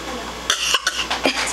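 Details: Young child, playing at the shop, gives several short, light, high-pitched voluntary fake coughs while pretending to have a bad cold.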